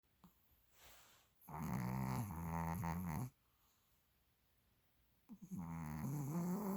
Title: snoring